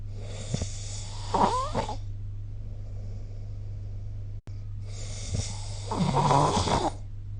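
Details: Snoring during sleep, recorded with the SnoreLab snoring-recording app.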